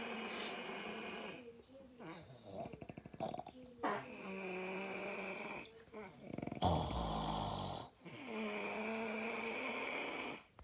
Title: Loud snoring